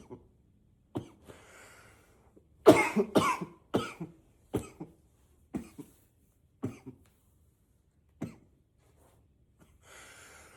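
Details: Simulated unstoppable coughing fit, trying to stay quiet by coughing into a pillow: about ten dry cough bursts in uneven runs, some muffled, still loud and powerful, then a breath at the end.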